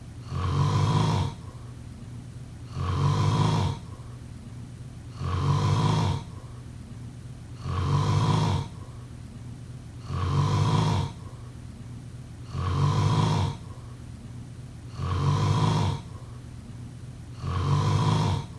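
Steady, regular deep snores, about eight in under twenty seconds, roughly 25 a minute. Rhythmic ordinary snoring.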